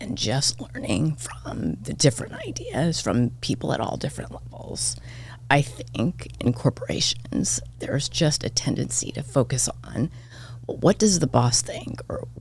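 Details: Adult woman with spasmodic dysphonia diagnosed this year, involving vocal cord spasms; she attributes it partly to voice overuse from podcast hosting and to stress, and it is occurring during this real recorded interview: spasmodic dysphonia.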